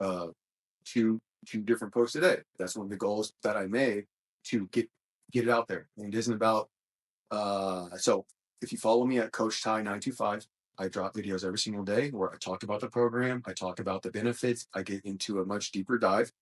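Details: Adult male who describes his own small speech impediment, a stutter, which he links to his mind always moving fast since childhood. Stuttering.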